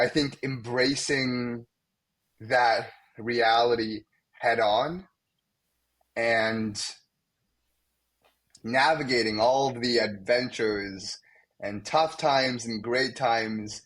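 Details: Young man, a medical student, who has stuttered most of his life and openly stutters in front of colleagues; stuttering.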